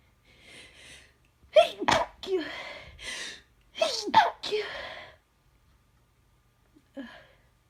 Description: Yet more cold sneezes. Some of these are induced, some are not.